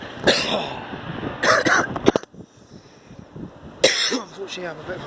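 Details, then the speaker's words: Cough from a person who has a bad cough that day, recorded outdoors while filming a train at a railway mainline station. "bit of a bad cough today, so anything that will be interrupted by me coughing."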